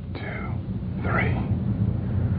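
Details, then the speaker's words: Whispered pectoriloquy on posterior chest auscultation with the stethoscope diaphragm: the patient whispers "1, 2, 3" and the words come through loud and clear over a low rumble, suggesting airless lung. "when these sounds are louder and clearer than normal whispered pectoriloquy is present"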